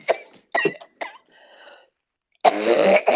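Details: An adult who just took medicine coughs three times sharply in quick succession, a faint wheezy breath, then a long loud strained coughing effort; a hard coughing fit.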